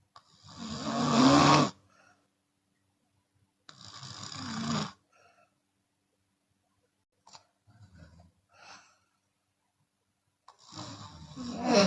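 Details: Chinese woman snoring with an open mouth, sometimes on exhale: loud, rough, rattling snores separated by quiet pauses with faint breath noises.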